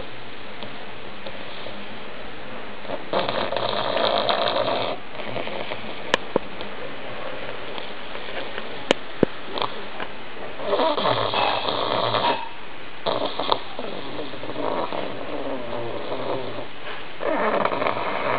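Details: Old pug sleeping: noisy, irregular snorting snores with rattly breaths in and snuffling between, snoring from a flat-faced dog's narrowed airway; snoring.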